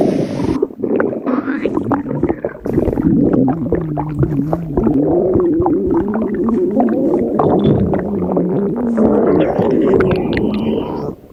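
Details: Stomach growling: loud, drawn-out rumbling and gurgling with a shifting, groaning pitch from gas and fluid moving through the gut.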